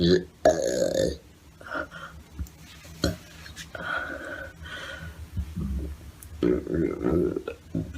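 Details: Several loud, drawn-out, croaking belches separated by quiet pauses, with throat clearing, gasps and sighs nearby; repeated burping.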